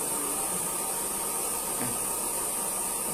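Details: High-flow nasal cannula (GLP HFNC 01) running: a steady, even rushing hiss of air with a faint motor hum.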